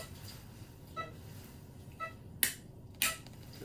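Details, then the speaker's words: Kyphoplasty for L2 lumbar compression fracture in a woman over 50 (prior L4 fracture): four sharp metallic mallet taps, the last two louder, driving the access cannula through vertebral bone, with more resistance at the posterior cortex. "Does it feel a little harder as you're malleting? You're using It mallet? does, yeah. It's more So resistant."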